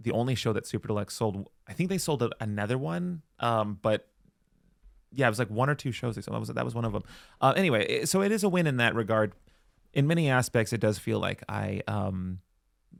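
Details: Adult man, conversational speech; typical speech.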